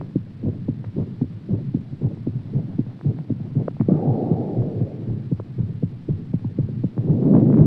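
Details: Heartbeat after exercise: fast, roughly 110 to 120 beats a minute, with breathing noise over it.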